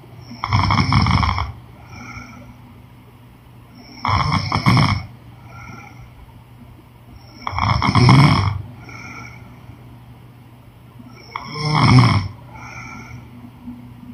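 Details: Woman snoring during sleep: rattling snores on each in-breath, about 15 breaths a minute, with soft whistly breaths out; snoring.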